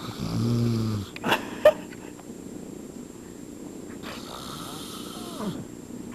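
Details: Adult man snoring.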